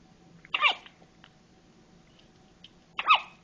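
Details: Newborn, 24 hours old, with hiccups: two sharp, brief hiccup sounds about two and a half seconds apart in a quiet room.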